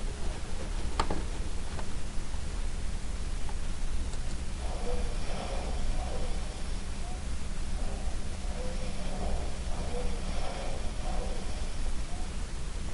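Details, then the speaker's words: Monophasic wheeze: a single-pitched, continuous musical wheeze starting and ending at the same time in the respiratory cycle, recurring with breathing over heavy low rumbling noise; contrasted with asthma's polyphonic wheeze, suggesting localized obstruction. "we will compare to the one to the monophasic wheezing that is still a single peach continues wheezing that start and end at the same time during the respiratory cycle"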